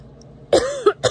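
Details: A person who says they often feel flu-like and sick after eating gives a single short cough followed by a brief second burst.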